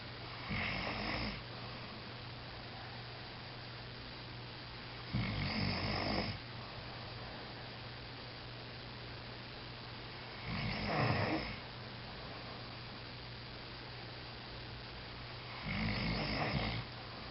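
Rough, rattling snores about every five seconds, roughly 12 breaths a minute, over a steady low hum; ordinary snoring in sleep.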